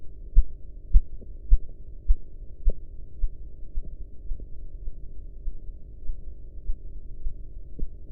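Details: Practice blood pressure audio, enhanced, heard while watching a sphygmomanometer dial deflate. Regular soft tapping at about 105 a minute is strongest early, then fades over a low hum: Korotkoff sounds.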